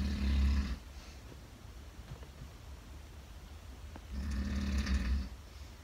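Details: Two loud, rumbling snores with a quiet breath between, from an adult father really sleeping in a quiet room at night: snoring.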